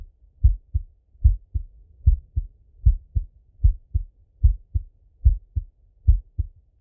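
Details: Male full heart auscultation, recorded partly sitting at a desk and partly lying in bed: steady lub-dub at about 74 beats a minute, clear first and second sounds, nothing extra between them; normal heart sounds.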